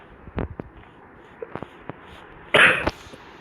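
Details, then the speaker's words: Male speaker coughing from a cold caught after dipping in a river during Chhath Puja, with his voice also affected. "By the way, अभी नहाने की वजह से मुझे थोड़ी खांसी आ रही है। खांसी क्यों आ रही है?"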